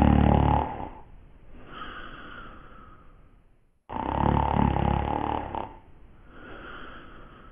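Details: Two loud, rumbling snores on the in-breath with quieter breathing between, from a television drama scene (Dark Shadows character snoring), not a real patient.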